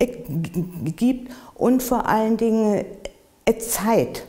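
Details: Stuttering in an adult who stutters, interviewed in German for World Stuttering Day.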